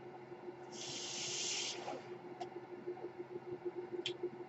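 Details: Speaker's own mechanical ventilator, heard during a podcast recording: a single soft rushing hiss of air lasting about a second, then quieter room noise with faint clicks as the ventilator delivers a breath.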